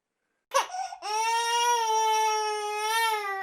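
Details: Baby girl aged 18 weeks making funny sounds in her sleep, then a short whimper followed by a sustained, clear, high-pitched infant cry in a quiet room.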